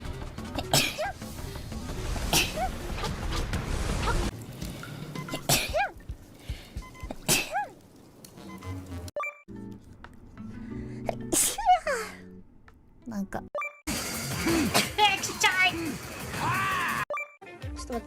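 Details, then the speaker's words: Compilation of streamers sneezing: several sharp, explosive sneezes from different voices over background music: repeated sneezing. "Bless you. I'm gonna sneeze.Bless me.うわ、くしゃみ出た、くしゃみ。"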